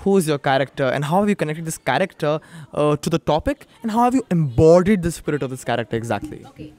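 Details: Adult speaker; Normal speech.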